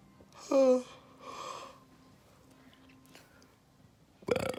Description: Bored Burping